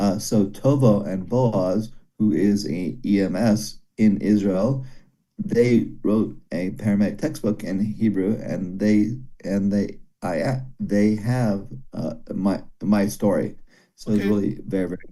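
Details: Broca's aphasia after a stroke during valve surgery in a male former paramedic, who understands speech but finds speaking very hard. He repeats one word many times.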